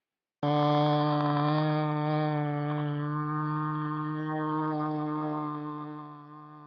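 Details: Participant five's sustained vowel recorded before LSVT voice therapy, described as a little gravelly; dysphonia.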